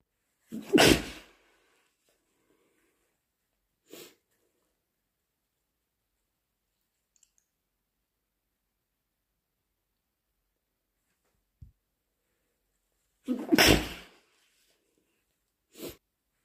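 Two loud, wet sneezes, each followed a few seconds later by a short nose blow or sniff, in a quiet room.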